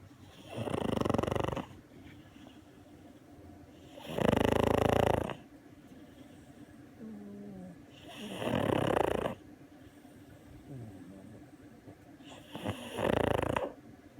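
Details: Loud, rough snoring on each breath, about four snores in fourteen seconds, with quieter wheezy sounds between, from a pug asleep on a lap.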